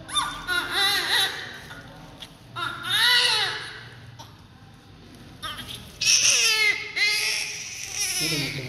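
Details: Newborn baby with vernix caseosa during cleaning of the body with oil and soap; loud, high-pitched bursts of crying with pauses for breath, a strong, vigorous cry normal for a healthy newborn.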